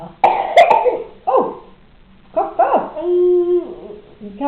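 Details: Young boy deliberately fake coughing, a few short imitated coughs then a drawn-out voiced sound, while eating yogurt during a phone call to his grandmother; his eye was noted watering; a voluntary cough.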